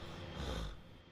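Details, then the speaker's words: Adult with a persistent cough and high blood pressure breathes with a rough, rattling, snort-like rasp, as with mucus in the airways, just before needing to cough. "I'm going to have to cough in a minute hear me rattling as I breathe hear that"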